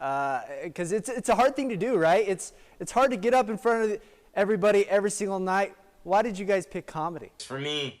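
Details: Adult speaker; typical speech.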